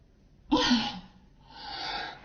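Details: A single acted sneeze, performed as a sneeze in front of friends: a sharp voiced burst followed by a softer breathy exhale.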